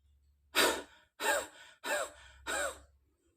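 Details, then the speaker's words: Forced expiration technique in effective-cough training for COVID-19 patients and survivors: a deep breath, then four forceful open-mouth huffs, breathy exhalations without a cough's sharp closure, before a final cough to clear phlegm. "Kalau bisa langsung napas dalam. Terus huffing."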